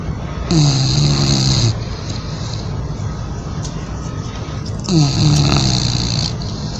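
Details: Sleeping bulldog: two long, loud rattling snores a few seconds apart over steady low background noise; snoring.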